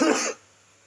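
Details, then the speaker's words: Adult who is ill coughing during a spoken presentation: a single short, dry cough or throat clear, then quiet. "mohon maaf apabila saya ada terdengar suara batuk-batuk itu saya lagi sini lagi sakit"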